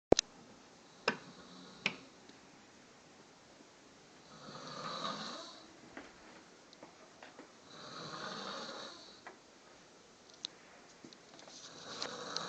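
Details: Two slow, broad rasping snores about three seconds apart, with scattered clicks and room noise between them; snoring.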